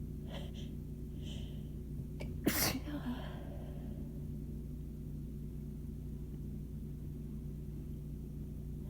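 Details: Short breathy build-up gasps, then one sharp, forceful sneeze over steady room hum, part of an intense, itchy, painful sneezing fit. Some sneezes came from the chest, with possible faint wheezing on exhales during buildups.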